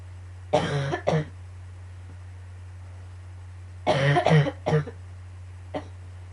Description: yet again with the coughing fits...grrrr